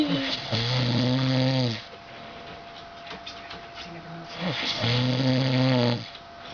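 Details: Adult man (the uploader's dad) snoring heavily while asleep: two long, loud, low rumbling snores on the in-breath with quieter breathing between; heavy snoring.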